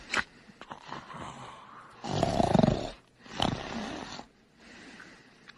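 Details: Snoring: loud, rough, rattling snores with quieter breathing between them; snoring.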